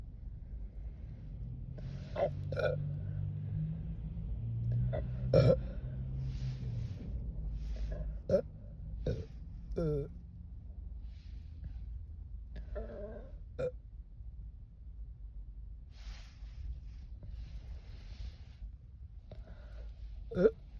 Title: Some burps after a quick chug